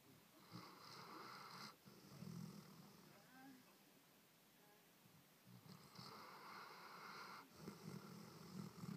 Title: Broh snoring